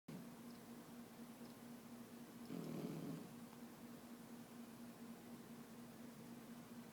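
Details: Sleeping puppy snoring: a soft, steady low fluttering rumble with one louder swell midway.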